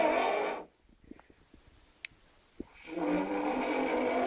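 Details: Drunk adult man passed out outside the toilet, snoring loudly enough to wake housemates: two loud, rasping snores with a quiet pause between, in a small room.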